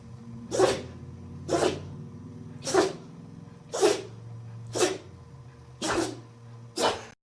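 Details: Dogs sneezing: seven short, sharp, noisy sneeze bursts, about one a second, over a low background hum.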